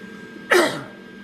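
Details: A single short, harsh cough or throat-clearing burst from an adult with a chronic cough due to respiratory issues, heard against faint room noise while welding, with the welding smoke and fumes bothering him.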